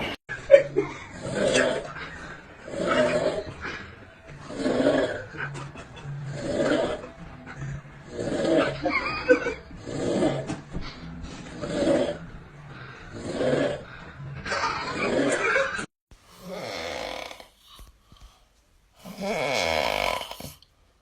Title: Top 6 FUNNIEST Snore Sounds Ever! 💤🔊 #snoring #shorts #funny #fyp #bestmoments